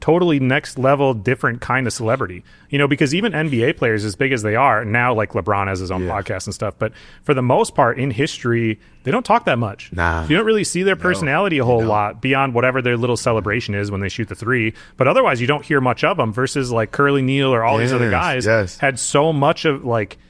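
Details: Adult male speaker; normal fluent speech.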